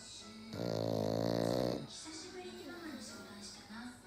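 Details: Black pug fast asleep: a loud buzzing snore, then softer snuffling breaths, with light background music; snoring.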